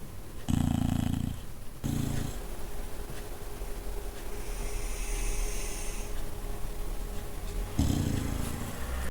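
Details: Dog asleep with both eyes open, making an odd face: a few short, low, fluttering snores with quieter breathing between; snoring.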